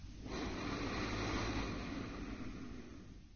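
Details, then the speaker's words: Educational sleep-disordered breathing (sleep apnea) presentation: a rough, rattling inspiratory snore from upper airway vibration during sleep, with airflow turbulence; frequency and loudness increase breath by breath, and flow limitation with snoring often leads to arousal. "notice the turbulence on the airflow curve Breath by breath the frequency of the upper Airway vibration increases along with the loudness of the snoring"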